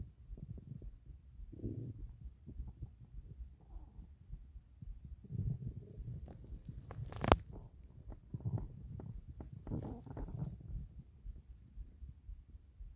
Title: 8 minutes of stomach growls